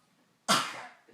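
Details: Single harsh, abrupt cough from a dog, Abbie, with a chronic cough persisting about 3 weeks, cause unknown.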